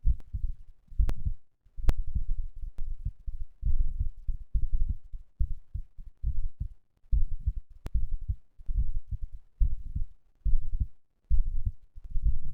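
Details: Heart sounds recorded after exercise, the third such recording: strong, regular low heartbeats at about 70 a minute with a few clicks; normal heart sounds.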